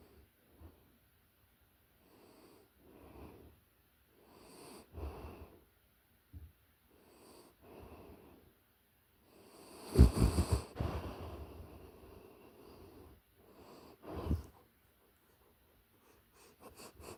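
Soft, rhythmic snuffling snores with occasional louder snorts from a sleeping puppy, about 12 breaths a minute.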